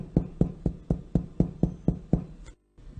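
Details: Chest percussion: the hand rests flat on the chest wall, the middle finger lies in an intercostal space along the ribs, and the other hand taps it. Nine evenly spaced, low, hollow taps give a normal resonant note over healthy lung.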